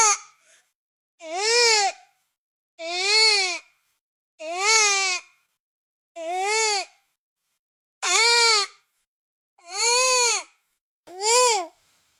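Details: Infant whining sound effect: seven rising-falling whining cries separated by short pauses. Fussy, whiny cry.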